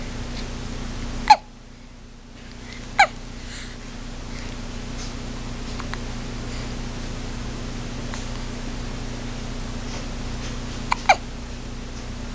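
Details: Tiny hiccups: four short, sharp hiccup sounds spread irregularly over twelve seconds, with a steady low hum in the background.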